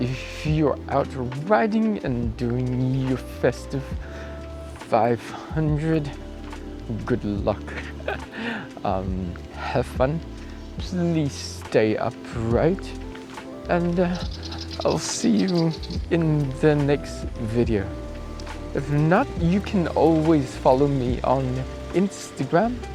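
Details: Acquired apraxia of speech in an adult male cyclist, starting a few days after a 14 December bike crash where he hit his head and blacked out; about two weeks on, he reports it is improving.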